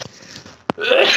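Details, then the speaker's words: A sneeze during gaming commentary, announced just before with "I got a sneeze coming on." "I got a sneeze coming on."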